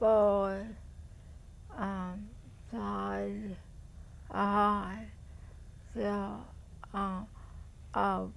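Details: Expressive aphasia: the patient produces only fragmented words while attempting to describe a picture during expressive language testing.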